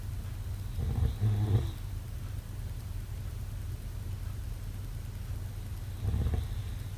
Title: #snoring #snoringasmr #sleepnoises #snoringsleepingsoundeffect #snoringsounds